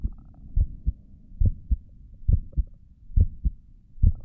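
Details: Self-recorded adult heartbeat via stethoscope on the chest, steady regular lub-dub at about 70 per minute, soft and low with light background hum: normal heartbeat.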